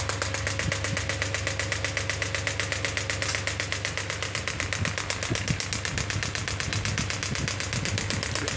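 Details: Biotronix pneumatic ballistic radial shockwave (ESWT) machine, 10 bar, probe firing while frequency is decreased: rapid regular sharp clicking pulses, about four per second, over steady machine hum.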